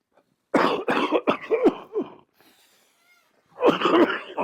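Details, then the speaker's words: A cardiologist demonstrates cough CPR, which he says he used on himself: after deep breaths, repeated forceful voluntary artificial coughs in two bursts; deliberate self-CPR coughing. "फिर artificial कफ यानी नकली खांसी करना शुरू कर देनी है यानी जब आप खांसी करेंगे तो आपकी जो लंग्स है वो एक्सपेंड करेंगे"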